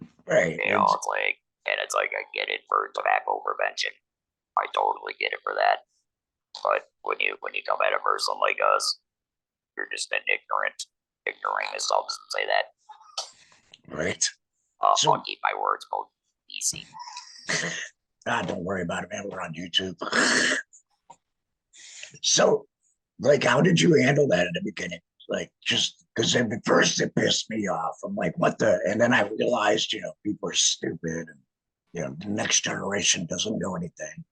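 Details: 47-year-old man, a laryngectomee since a 2019 laryngectomy, speaking with an electrolarynx, which took about a year to get familiar with; electrolarynx speech.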